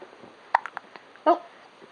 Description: my daughter gets the hiccups, first thinks its funny and laughs, but then starts to get mad, lol